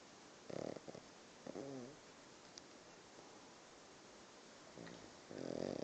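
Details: Pug snoring: several short, rattling, snorting breath noises, some with a fluttering whistle-like tone, separated by quiet room noise.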